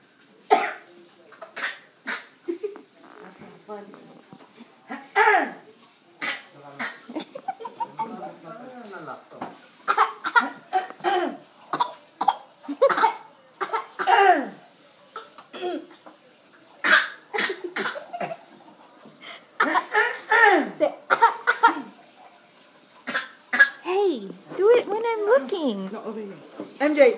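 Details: Person imitating another person's cough: a run of short, forceful bursts mixed with voiced sounds and laughter.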